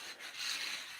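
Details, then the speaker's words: Brief gritty rubbing, cracking and snapping noise from an adult's knee during repeated exercise, knee crepitus. "My knee is just snapping. You can hear it."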